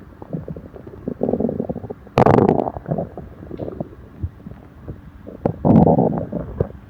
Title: Stomach upset after eating (stomach growling)